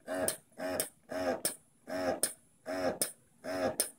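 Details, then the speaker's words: Lansinoh electric breast pump connected to an Arduino controller, switched on and adjusted in speed and power remotely by smartphone in a demonstration: rhythmic whirring motor cycles, each ending in a click, about 77 a minute. "the first thing we're going to show you is how we can turn the pump on remotely with the smartphone power on the pump and then we can adjust the speed and power settings"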